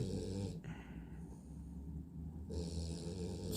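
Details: Drowsy dog told to sit, nodding off but staying seated: low, rumbling, coarse, fairly steady snores with a brief quieter stretch in the middle.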